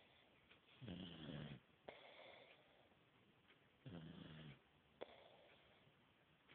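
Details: Person snoring: low rattling snores on each breath in with quiet breaths out, about 20 breaths a minute.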